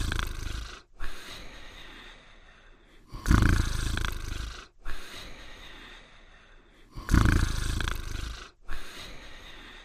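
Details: Cartoon dog sleeping and snoring: loud, low rumbling snores about 16 times a minute, each followed by a quieter breath out.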